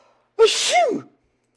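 A single acted adult sneeze: a quick voiced intake, then a sharp hissing burst with a falling vocal tail, about a second long.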